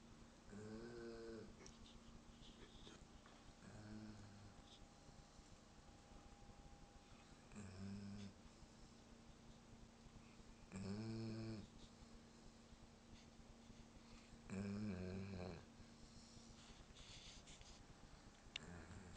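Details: Sleeping German Shepherd dog snoring: low rattling snores with each breath, about 17 a minute, over steady room hum.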